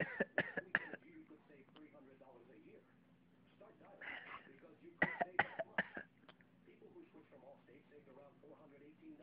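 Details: Young child with a cold coughs in two short bouts of three coughs each, with quiet vocal sounds between; described as a bad cough.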